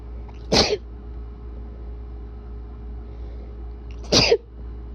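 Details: Person with bad allergies and a very tickly nose induces wet sneezes: two sharp, explosive sneezes about three and a half seconds apart over a quiet steady room hum.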